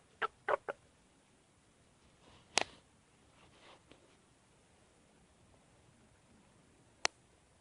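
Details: Stomach noises: several brief, sharp gurgling pops from the abdomen, spaced irregularly over a quiet background, bowel sounds (borborygmi).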